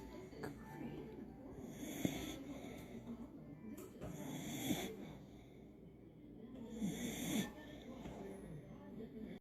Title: Massage my ears while I snore mom.